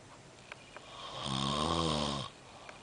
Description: 430am snoring like a thunder storm. as i cant sleep my self